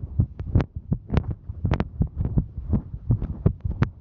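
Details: Female hiker during exertion; fast, slightly uneven thumping with some rubbing noise; quickened heartbeat during exertion.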